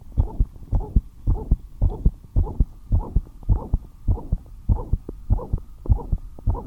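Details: Fast, regular heartbeat about 110 per minute, rate having risen despite resting quietly, with a soft whooshing noise between beats; heart murmur.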